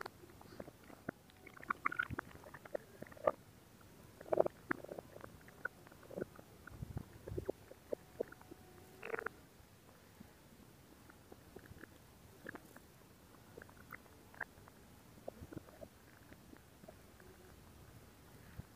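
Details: Stomach growling: soft, scattered gurgles, squelches and pops of gut movement over a quiet background; ordinary borborygmi.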